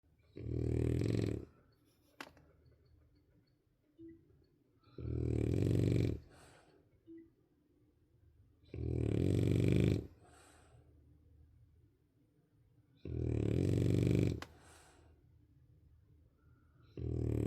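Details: Bulldog puppy asleep: four deep, rumbling snores about 4 seconds apart, around 14 breaths a minute, with quiet gaps between; snoring.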